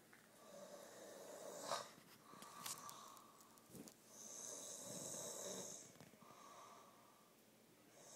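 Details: Snoring during sleep in a living room after having his face tickled: slow, irregular breathing with soft whistling, snorting snores at about 16 per minute in a quiet room.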